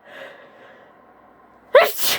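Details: Acted role-play by a female speaker playing a roommate in denial about cat allergy: soft voiced indrawn breath then one sharp loud sneeze with a hissing tail; simulated sneeze.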